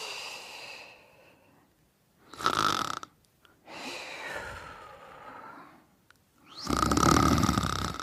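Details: Sleeping and snoring, part 2.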